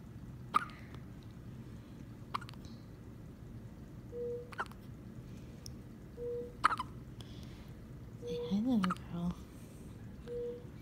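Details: A 1-month-old infant with hiccups: small, sharp hiccup sounds about every two seconds over quiet room noise, with soft baby sounds.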